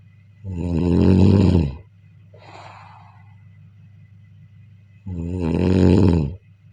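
Two loud, rattling snores on breathing in, with a soft breath out between; heavy snoring.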